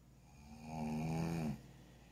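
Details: Snoring keeping someone awake: a single loud, low, rattling snore on an in-breath that rises and then stops abruptly, with quiet room noise on either side.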